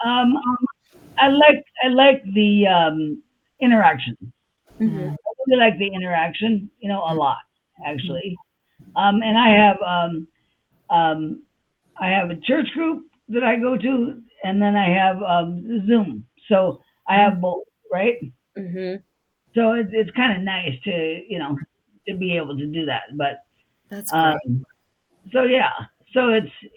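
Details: Adult woman with aphasia after a stroke on July 6, 2021, showing word-finding pauses and repeated fillers. Aphasia.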